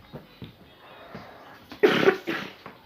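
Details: A 9-year-old child gives two short, harsh, dry-sounding cough bursts over quiet room sound and faint background music.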